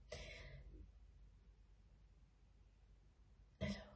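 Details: Throat clearing by a woman whose voice is slightly hoarse from seasonal spring allergies.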